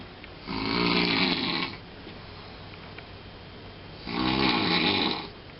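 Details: Two loud, rattling snores on breathing in, separated by a quiet pause, with a harsh fluttering quality; ordinary snoring.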